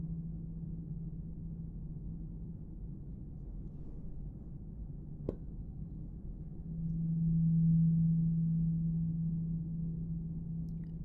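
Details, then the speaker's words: Simulated hearing test in a role-play: a 128 Hz tuning fork tapped, then a low, steady hum that swells and slowly fades. "This is a 128 hertz tuning fork, German made, ironically enough. Can you hear this?"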